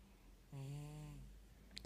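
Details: 4-month-old baby boy with a snotty nose snoring while asleep: a single low, buzzing snore lasting under a second in a quiet room.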